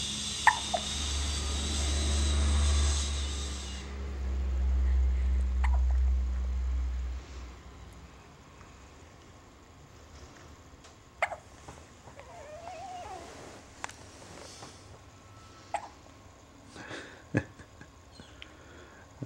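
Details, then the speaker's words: Brief, sharp hiccups every couple of seconds after early low rumbling background noise, from a baby boy having his first hiccups; infant hiccups. "won it's his first hiccup oh he's like Make It Stop"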